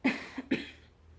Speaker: I feel a cough coming on. Hang on. I still have a slight cough from being sick, so hopefully I won't go into a coughing fit.